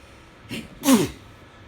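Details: Single sneeze in bed: a short indrawn breath, then one sharp explosive burst. The person guesses the weather change triggered it, and the nose is still tickling afterward.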